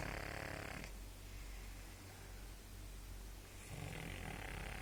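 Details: Pug (flat-faced dog) snoring while asleep, recorded on an Android phone: low rattling snores on inhalation with quieter pauses between.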